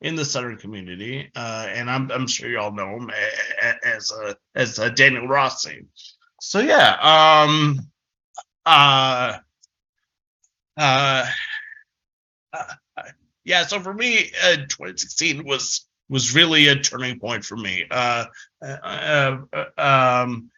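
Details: Developmental stuttering since about age six in an adult man, a person who stutters giving a conference presentation; stuttering.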